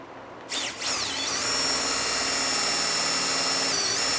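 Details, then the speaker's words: Steady high-pitched whine of a powered surgical drill running continuously after start-up, a 5.0 drill bit through a drill guide on the spiral hole, boring posterior to anterior for distal locking of an ankle arthrodesis intramedullary nail. "retiramos el trocar y procedemos a la perforación con la Broca de 5.0"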